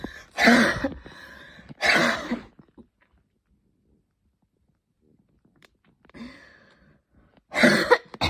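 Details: Intense evening coughing fit before bed, stronger than the person's usual coughs, leaving them hot and tired: harsh, loud coughs in bursts, about four in eight seconds, with a pause between.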